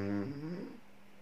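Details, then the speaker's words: A single low, buzzing, rattly snore lasting under a second, then near silence, played as an example of snoring from partial airway narrowing during sleep. "ده صوت الشخير أو سنورينج. كل التفاصيل هنعرفها ولكن بعد الفاصل، انتظرونا. الشخير هو صوت أجش أو خشن بيحصل من الأنف أو الفم مع التنفس عند النوم، بسبب انسداد جزئي في مجرى الهواء لعملية التنفس، وقد لا يخلو منزل منها."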